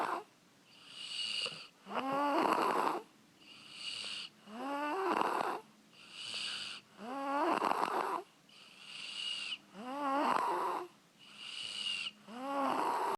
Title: 6 year old snoring like An adult very funny!!!